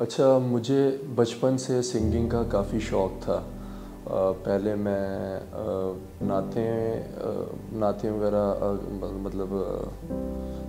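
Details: Stuttering in a young man.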